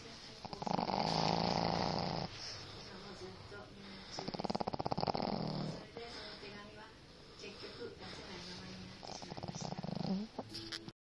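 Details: Pug dog kept at the family home snoring in sleep: loud, fluttering, rattling snores with each breath, alternating with softer wheezy exhales, about six breaths over eleven seconds.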